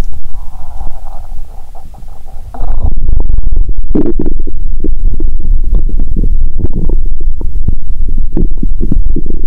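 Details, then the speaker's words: Stomach bowel sounds from a hungry person who had fasted over 15 hours, on a first stethoscope recording; the stomach then became quiet. ""Then, let's listen to the sound of this patient's stomach ♪"."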